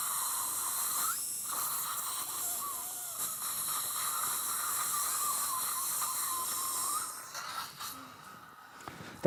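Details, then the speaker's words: Dental implant drill (4.0 mm), high steady whine with suction hiss, during live implant surgery, before the final 4.5 mm drill. "so at this time you check the pump operation earlier okay good next drill 4.0"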